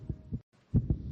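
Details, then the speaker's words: A young child's racing heart, described as racing after being told she must move foster homes again. Low, quick paired heartbeat thumps with a short gap are heard in a radio public-service announcement. "This is the sound of a racing heart."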